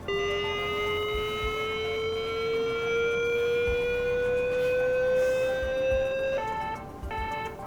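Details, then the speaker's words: Mindray BeneHeart D6 defibrillator user self-test with flexible electrodes on a test load: after the charge button is pressed, a steady tone rises in pitch, then a repeating ready beep; defibrillator charging tone. "можемо підтверджувати натискаємо кнопку заряду"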